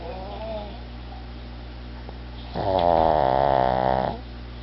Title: My Porky Pug Snoring Away!